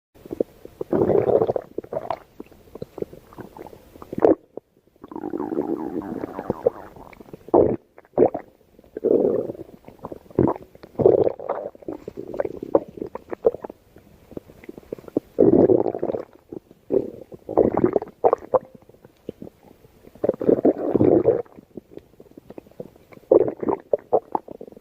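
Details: Repeated gurgling, rumbling stomach growls in bursts with quiet gaps: ordinary bowel sounds (borborygmi).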